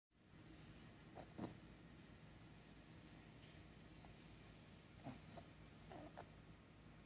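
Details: 7-year-old pug sound asleep in a quiet room, giving soft, snorting breath noises every few seconds; snoring in a flat-faced breed.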